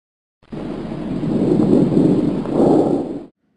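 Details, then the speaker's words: Normal bronchovesicular breath sounds heard with the stethoscope diaphragm over the junction of the main stem and segmental bronchi: a steady high-pitched rushing with no pause and a 1:1 inspiration-to-expiration ratio. "The next sound you will hear is a normal broncoicular sound found over the junction between main stem bronchi and segmental bronchi."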